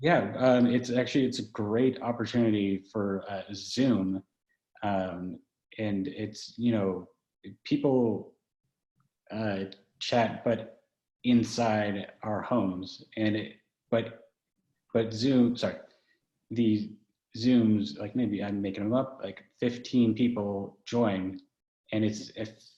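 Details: Man who had a stroke at age 21 about ten years ago, with right-side paralysis and foot drop. His aphasia first left him with about three words and unable to read, write, spell or understand; it has since improved. Word-finding pauses and gestures; aphasia.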